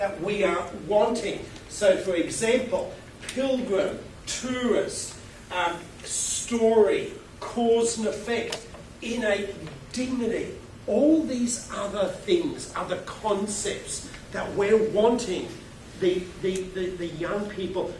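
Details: Adult man who stutters, giving a keynote talk into a microphone, with word repetitions; stuttering.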